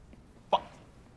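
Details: Adult man with Tourette syndrome makes involuntary noises, described as irrepressible like sneezes; simple vocal tic.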